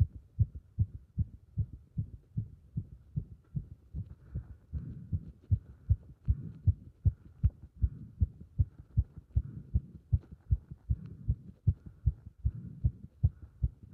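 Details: Heart sounds recorded with chest compression during squats: fast, regular heartbeat at about 150 per minute with some muffled movement noise; rapid heart rate during exercise.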